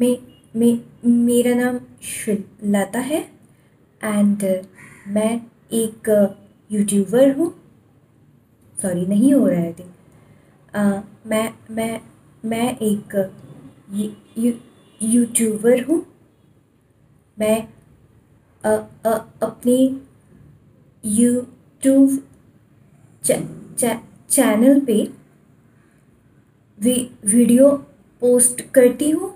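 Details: Imitated stuttering, acted by a female vlogger demonstrating how a person who stammers would introduce themselves.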